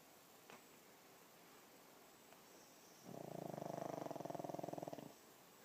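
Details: Soft rattling snore lasting about two seconds, a rapid fluttering vibration on the breath, in a quiet room; snoring.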